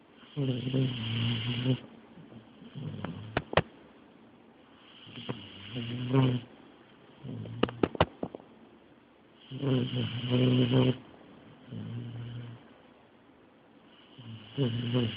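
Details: Knocked out by medication, in deep sleep: deep, rumbling snores on each in-breath at about 14 breaths a minute, with a few faint clicks between; heavy snoring.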